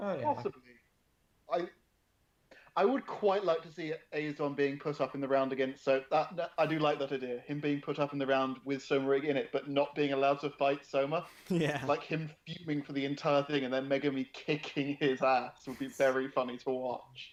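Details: Adult male speaker; ordinary speech.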